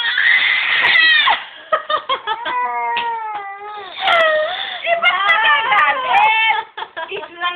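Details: 5-month-old infant crying: loud, rising and falling wails broken by short catches of breath, with adult talk in a small room; an ordinary cry.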